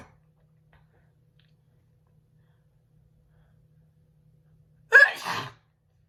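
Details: A young woman recording a requested sneeze video gives, after a quiet pause, a single loud voiced sneeze with a short trailing breath: sneeze.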